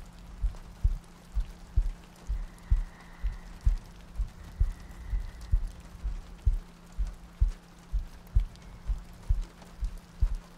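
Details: ASMR sleep-aid roleplay of cuddling next to a girlfriend on a rainy night, a looped track with soft breathing: soft, regular low thumps at about 64 a minute, a steady heartbeat, with gentle rain behind.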